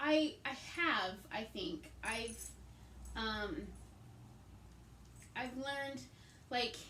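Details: Woman with aphasia, also affecting reading and writing, and right-side hemiparesis after a hemorrhagic stroke on May 19, 2020 treated with brain surgery; aphasia.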